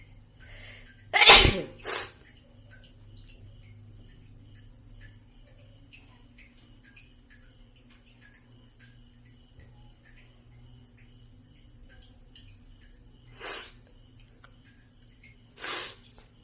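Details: Cartoon character Pluto sneezing, not a real recording: a sneeze, then a short follow-on burst, then two softer sneezy bursts over a steady low hum.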